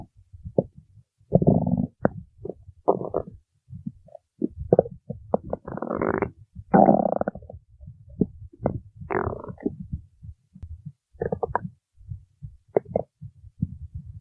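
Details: Stomach growling while singing: deep, drawn-out gurgling rumbles with short bubbling bursts, normal bowel sounds (borborygmi).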